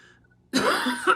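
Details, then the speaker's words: Adult recovering from COVID with a lingering cough and runny nose: a single abrupt cough after brief quiet, a post-COVID cough. "My dad's pretty much all better, but I can't get rid of this darn cough."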